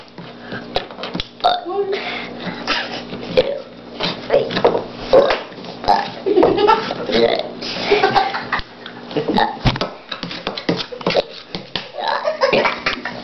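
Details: A 4-year-old boy burping on demand while counting to ten: repeated deliberate belches mixed with talk and faint background music; voluntary burping.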